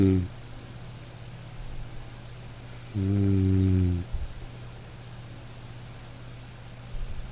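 A single low, rumbling snore over steady soft rain noise. Gentle snoring in a sleeping dog.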